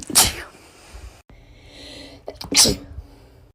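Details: Girl sneezing, possibly in hay fever season: two sharp, explosive sneezes with a quiet pause between them.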